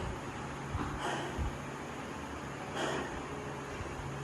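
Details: Heavy breathing after a body-weight (123 kg) deadlift, with smelling salts used beforehand: loud, noisy breaths against steady background noise as heart rate comes down during recovery from heavy exertion.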